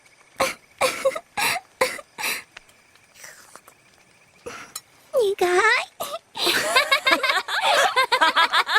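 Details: Repeated nasty sneezing: a run of short, sharp nasal bursts followed by squeaky vocal sounds and chatter.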